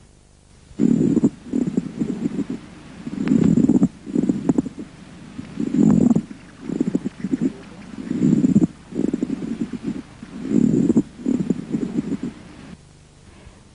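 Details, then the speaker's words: Pleural friction rub, which may also be palpable, heard on respiratory chest examination: a dry, harsh, localized sound in both inspiration and expiration, with creaking, grating bursts at about 25 breaths a minute. "finalmente escuché el frote pleural que también puede ser palpable es un ruido seco y áspero localizado y a ocultable en los dos tiempos de la respiración"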